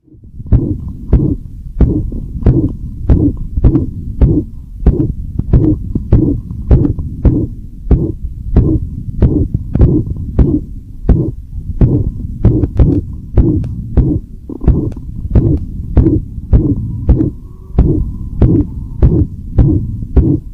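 Dog heartbeat through a stethoscope, about 100 beats a minute, with a noisy whooshing sound between beats: a heart murmur.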